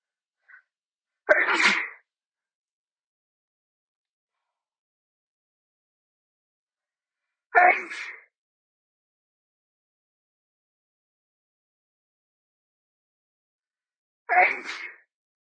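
Three loud explosive sneezes about six seconds apart, with silence between: a sneezing bout.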